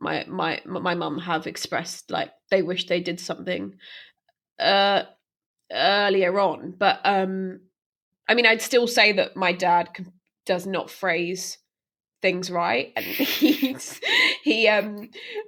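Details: Stammering in a woman who stammers, speaking unscripted as a podcast host for a stammering association.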